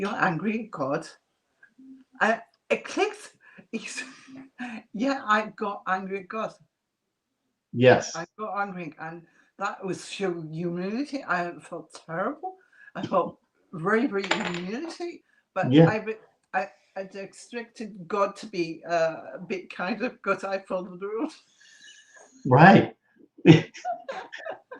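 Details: Residual aphasia in an adult woman after multiple strokes (two hemorrhagic, three ischemic, 2012–2013); she lost speech and relearned it, with a slight remaining speech impediment.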